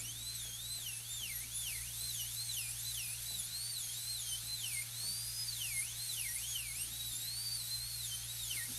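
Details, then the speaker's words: High-pitched drill whine rising and falling as the burr, leaned slightly toward the tooth axis, cuts the lingual reduction during a full gold crown preparation on a lower molar; dental drill preparing tooth. "Again, here's the axis. You're going to lean the burr slightly toward the axis."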